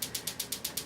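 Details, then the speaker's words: Extracorporeal shockwave therapy for Achilles tendonitis, intensity around 10–12, dosage of 2,500–3,000 pulses: fast, even clicking pulses, about eight a second; shockwave device pulsing. "on the region we're treating we're doing 2,500 to 3,000 pulses so that would be his dosage"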